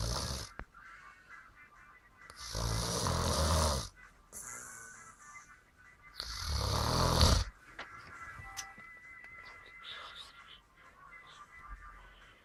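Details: Snoring: two loud, rough, rattling snores about four seconds apart, with quiet breathing and faint background sounds between them.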